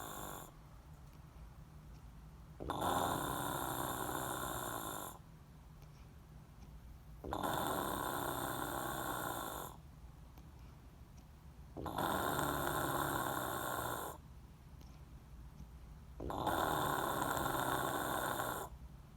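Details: Person sleeping very deeply: loud, rattling snores on each in-breath, about 4 in 19 seconds, with quiet breaths out between; ordinary snoring.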